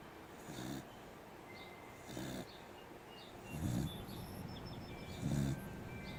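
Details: Sleeping beagle gives low, rattling snores at about 37 a minute, with faint bird chirps in the background; ordinary canine snoring.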